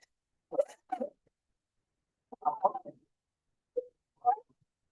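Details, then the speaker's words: Stridor in a 1-year-old child with fever, upper respiratory infection and breathlessness: noisy, harsh, high-pitched breaths in short bursts from upper airway narrowing. "So I hope you could hear the sound. That is the stridor."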